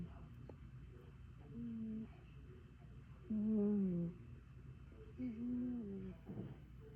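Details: Snoring panther: three low, tonal, groaning snores roughly every two seconds, each falling slightly in pitch, over quiet room noise.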